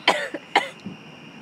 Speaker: Your hiccups shake. You can just here. Like see my hiccups on the audio.